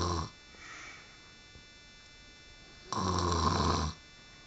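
Loud, deep, rattling snore on the in-breath, followed by a quiet pause: snoring.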